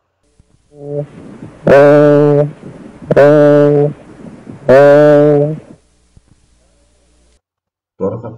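A quiet, muffled vowel, then three loud, nasal, bleating sustained 'ee' sounds through the stethoscope over the affected side: egophony.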